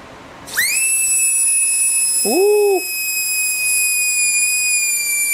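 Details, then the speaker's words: High-pitched steady whine with a brief lower hum partway through, from an old manual-chuck Precision Torque high-speed air-driven dental handpiece spinning up and running with a bur while its airflow is measured with a flow meter. "Next, we've got this uh it's a precision torque old manual handpiece."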